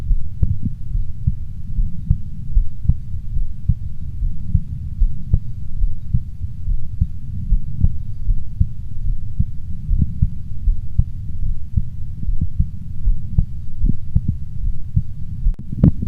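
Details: Self-recorded four-point stethoscope auscultation of one's own heart: muffled low heart thumps over a constant low rumble of contact noise.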